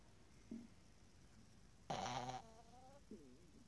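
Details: Pug snoring: one loud rasping snort with a whistling, squeaky tail, plus softer snuffles before and after.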